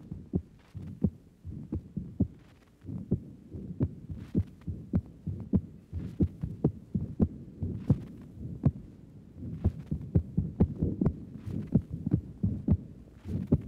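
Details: Woman with valvular heart disease, 1955 recording taken at the pulmonic area of the upper chest: a regular heartbeat with a sharp, loud, accentuated second sound from raised pulmonary circuit pressure secondary to the valve disease.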